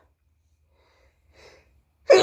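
A faint indrawn breath, a pause, then a sudden explosive sneeze burst that is cut off at the end.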